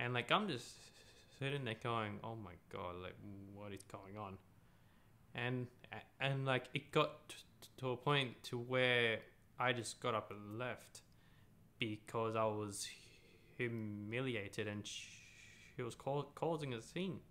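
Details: Adult man who stutters; stuttering.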